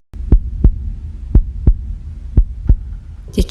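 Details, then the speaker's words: Heartbeat: slow, steady lub-dub heartbeat at about 58 beats a minute over a low hum, presented as a relaxing listening track. "Волшебный, бесконечный сердце стук, который снова отмеряет время."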